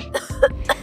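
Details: Adult acting out cough etiquette, three short muffled cough bursts into the sleeve to demonstrate covering a cough.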